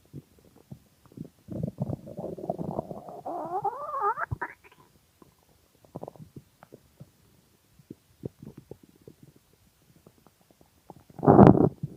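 Long gurgling growl that rises in pitch, then scattered small gurgles and a final loud rumble; hunger stomach growling, a normal bowel sound.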